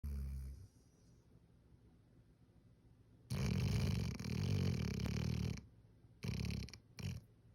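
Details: Hound dog passed out on the couch: heavy, rough, rattling snores, one long snore then shorter ones, with quiet gaps between breaths; snoring while asleep.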